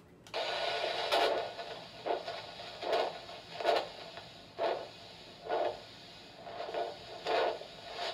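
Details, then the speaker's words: Handheld Doppler over the left dorsalis pedis artery in an adult male patient during a nursing cardiovascular exam for ankle-brachial index (result 1, normal): rhythmic whooshing arterial pulse about 65–70 a minute over steady hiss. "Now I'm going to calculate your ankle brachial index, which is an indicator for peripheral arterial disease, using a Doppler. This is dorsalis pedis pulse of the left foot."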